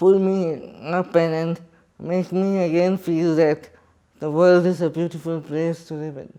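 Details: Adult man with cerebral palsy speaking in his own voice; dysarthria in cerebral palsy.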